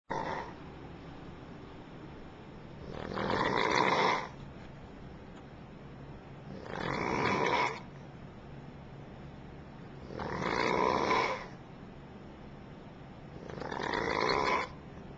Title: Dude Snoring in Hotel Room *RUDE*